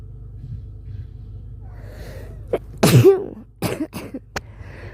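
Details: Female with a cold or flu: a loud sneeze followed by several short, sharp cough bursts over quiet room noise; sneeze and cough.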